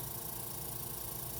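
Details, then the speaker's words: Steady low mechanical hum with airy hiss as the suction is turned up to clear the tubing after tracheostomy suctioning of a patient; suction machine running. "I want to clear this suction out so I am going to go ahead and turn the suction up and just run it right back into this"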